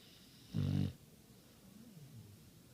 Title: This guy snores just like me lol